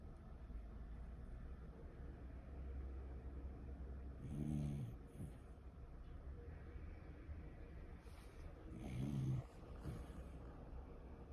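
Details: Sleepy Cocker Spaniel napping: two low, rumbling snores about five seconds apart over a steady background hum, roughly 13 breaths a minute; dog snoring.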